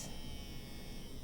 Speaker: i don't know if you can hear that but the machine is running and this is going to be the dial which controls the speed when you're plugged into this first hole here so up more volts the higher you run it the louder it gets